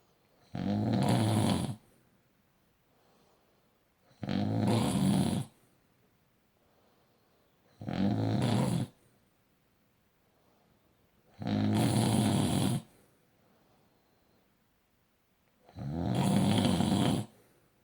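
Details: Loud, deep, rattling snores with quiet pauses between them, about 16 a minute; heavy snoring during sleep.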